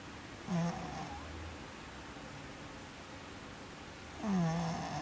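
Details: Sleeping cat snoring: two low, rattling snores on breathing in, about four seconds apart, with quiet room noise between.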